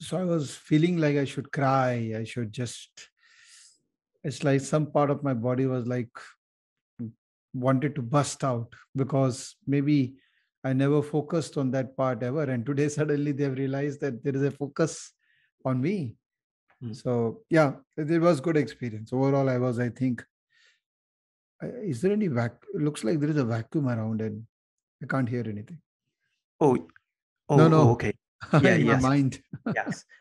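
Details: Adult male speaker; normal speech.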